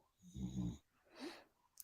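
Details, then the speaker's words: A dog snoring in the background of a quiet room, with a low rumbling inhalation and a softer airy exhalation: snoring. "Looking at the Carrick custom steering, and I got a dog snoring in the background. If you're wondering, if you hear that."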